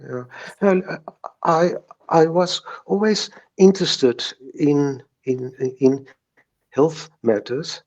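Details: Stuttering since age three in a retired South African lawyer in his 70s who views stuttering as a mindbody disorder and still has mild speech blocks: stuttering.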